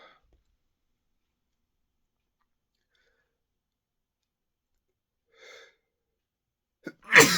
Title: Unoriginal Sneezing [M]